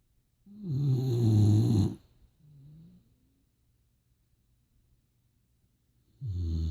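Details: Boxer dog asleep: loud, low, rumbling snores on inhalation with quiet pauses between; snoring.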